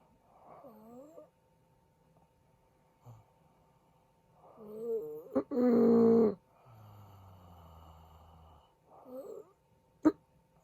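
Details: Irregular loud snores from a sleeping husband, with harsh snorting bursts and gaps that may be pauses in breathing; possible sleep apnea.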